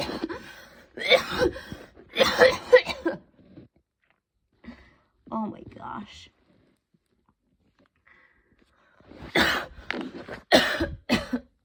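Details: An intense evening coughing fit before bed, stronger than the person's usual coughs and leaving them tired and hot: repeated forceful coughs in clusters with short gasping pauses.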